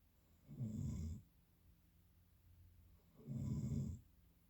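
Two loud, low, rattling snores about three seconds apart, each on an in-breath, with quiet breathing between: ordinary sleep snoring.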